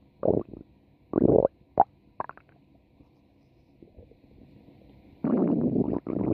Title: Lupi's stomach growl